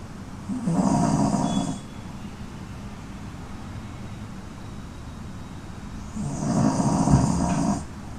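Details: Beagle puppy snoring while sleeping wrapped in a soft blanket: two long, rumbling snores several seconds apart with quiet breathing between.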